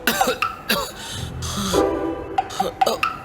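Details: Several short, sharp acted coughs from an adult over background music in a herbal cough syrup advertisement; a simulated cough.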